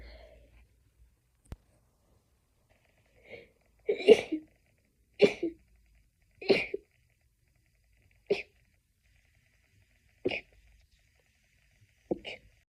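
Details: Stifled sneezing fit, edited into a loop: six short, muffled sneezes a second or two apart, with quiet between them.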